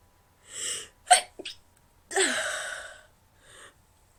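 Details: Deliberately induced sneezes with some nose-blowing: quick indrawn breaths, then a sharp, high-pitched "achoo" burst and a fading breath out; an ordinary sneeze.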